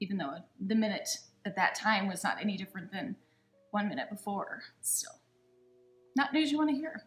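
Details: Adult woman speaking; normal speech.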